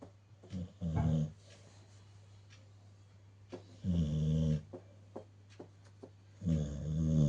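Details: Pet sleeping and snoring: loud, low, rumbling snores on each breath in, a few seconds apart, with steady room hum behind.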